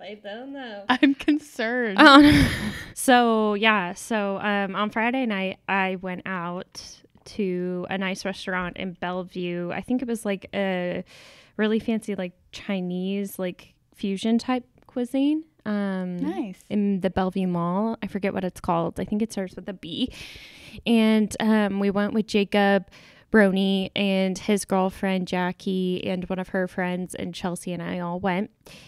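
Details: Adult female speaker; normal speech.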